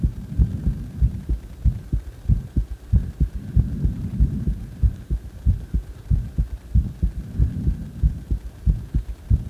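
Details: The recorder's own heartbeat: low, regular thumping at about 94 beats a minute, with a faint steady hum in the background.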